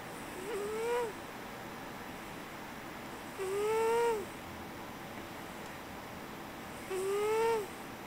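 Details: Snoring in a cat sleeping on a computer chair: three slow, squeaky whistling breaths, about eight per minute, with a faint nasal whistle.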